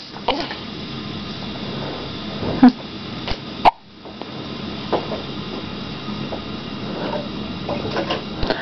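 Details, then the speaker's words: Infant hiccups: several brief, sharp catching sounds at irregular intervals over a quiet room background. "you gonna be like your dad and get hiccups like every day huh i hate it you know i get hiccups and it's embarrassing"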